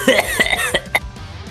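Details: Compilation of a few short, sharp coughs in quick succession over background music.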